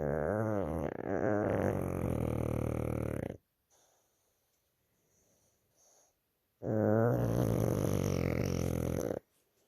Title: Loudest snoring Pug sleeping with his eyes open. #pug #puglife #pugdog